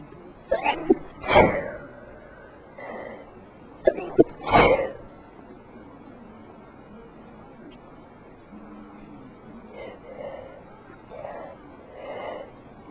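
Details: Two sharp sneezes, each preceded by a quick in-breath, from a person who was sick and induced most sneezes; quiet room noise with faint voices; sneezing.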